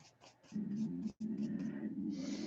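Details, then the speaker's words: An adult's stomach growls with a low, gurgling rumble lasting about two seconds, typical of ordinary stomach growling (borborygmi) from gas and fluid moving. "Can you hear my stomach growling?"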